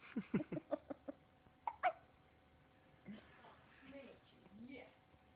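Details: A series of short, sharp, jerky bursts repeating every few tenths of a second, then quieter vocal sounds: hiccups.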